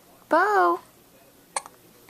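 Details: Hiccups while lounging watching TV: a short voiced squeak followed by a sharp little gulp in a quiet room.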